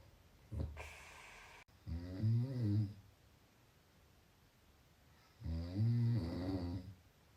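A short snort, then two deep, rumbling snores a few seconds apart with quiet between them: ordinary snoring.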